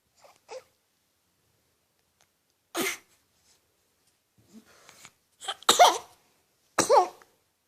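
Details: Young child's first sneezes, having just learned to sneeze, imitating the mother: a few short breathy bursts, then two sharp explosive sneezes close together in a quiet room.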